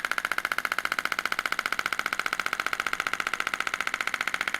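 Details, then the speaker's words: Louder radial shockwave applicator used around the plantar fascia attachment of an adult woman with plantar fasciitis heel pain for over 3 years; fast, steady, loud, sharp mechanical tapping about two pulses a second. "this is a little louder so I don't know if you can hear me as well so I won't say anything important while we're doing this one"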